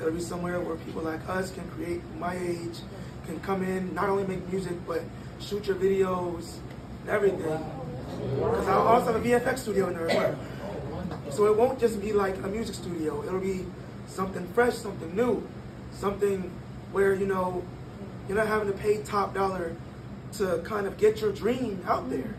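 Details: 22-year-old man born prematurely at about one pound, vocal folds developing after birth and still not closing fully; breathy voice from incomplete vocal fold closure.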